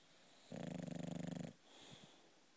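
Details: Female British bulldog snoring while asleep: one loud, rattling snore lasting about a second with rapid fluttering vibration, then a quieter breath out.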